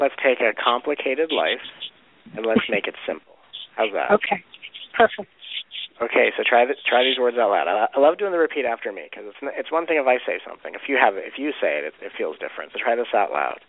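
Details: Adult man speaking, radio or phone audio; normal voice.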